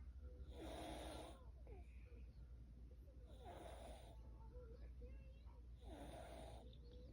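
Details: Snoring during sleep: three rough, vibrating inspiratory snores, each about a second long, roughly every two and a half seconds, over a steady low hum.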